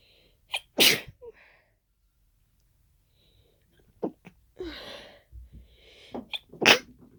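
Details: Adult's unexplained sneezing fit after an hour of nasal irritation, cause unknown (allergy medication taken): repeated sharp sneezes with short inhaled catches between them and a pause midway.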